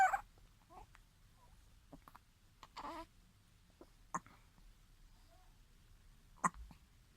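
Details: Baby girl with hiccups, labeled day 29: a few brief, sharp, isolated bursts spaced several seconds apart in a quiet room.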